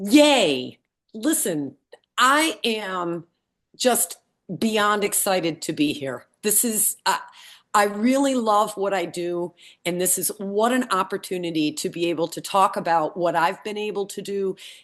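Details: Support group member recovering from a brain injury, with aphasia. Finding: aphasia.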